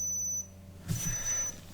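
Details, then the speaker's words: Two thin high-pitched beeps with a soft rustle as an oral digital thermometer under the tongue finishes its reading, showing no fever, in a simulated ASMR home visit after a fall down stairs with a head bump. "Okay. Give a few more seconds and it'll beep in a second."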